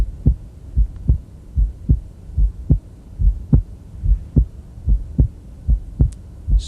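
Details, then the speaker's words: Physiologic splitting of S2 in a male patient: regular heartbeat about 73 per minute, with the second sound splitting as he breathes in and becoming single as he exhales. "if you'll excursion when he takes a breath in the second heart sounds dirty it's reduplicated as he exhales it becomes more single again"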